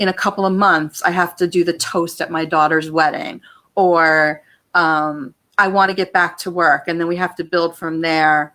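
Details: Adult woman speaking; Normal adult speech.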